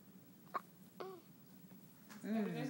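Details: Two short, abrupt voiced gulps about half a second apart, then a brief murmur, over steady room hum, from a young child named in the recording as having her first hiccups; hiccups.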